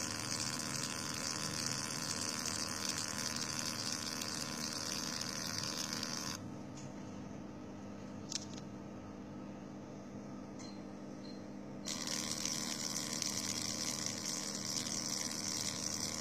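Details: FQZ03 fractional CO2 laser machine running with its cooling pump: a steady hiss and hum, briefly quieter in the middle, then resuming.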